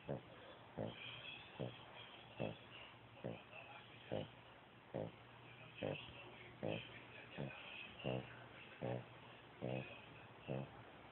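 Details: Hercules, a pet, snoring on the bed: short, rhythmic snorting snores about every 0.8 seconds, with light background noise.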